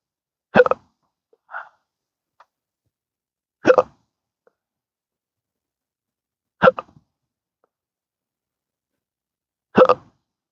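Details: Person with a rare disabling condition of daily hiccups and burps since a December 2015 surgery that left multiple nerve damage, recorded outdoors: four abrupt short hiccups a few seconds apart with faint smaller noises between; persistent hiccups.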